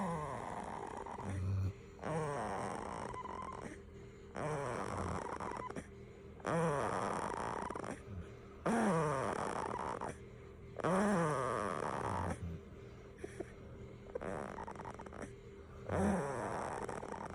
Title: Snoring Baby 🥰